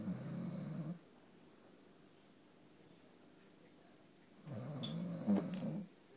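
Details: Snoring from a sleeping Dalmatian dog: two low, rattling snores about four seconds apart, with quiet breathing between them, in a small room.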